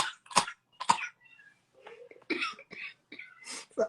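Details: A brief coughing fit: several sharp, explosive coughs in quick succession, then softer voiced sounds.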